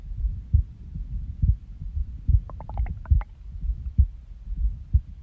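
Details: Stomach growl (borborygmi) at rest after a nap: a brief bubbly gurgle among low muffled heartbeat thumps that have skipped beats.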